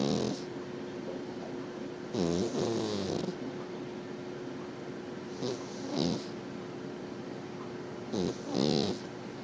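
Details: Sleeping cat snoring: three rhythmic, rattling breaths, roughly 20 breaths a minute, over a steady faint hum.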